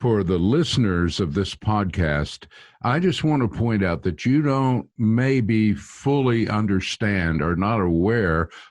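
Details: Adult man speaking; Typical speech.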